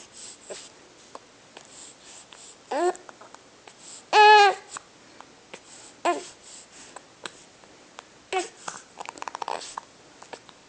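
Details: A person trying to cry, with the crying repeatedly cut off by short, abrupt hiccups, in a quiet room.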